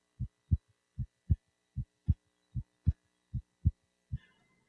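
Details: Crisp, regular lub-dub pairs at about 75 beats a minute with quiet pauses between, heard with a warmed stethoscope over the aortic area of a man during a complete physical examination; normal first and second heart sounds.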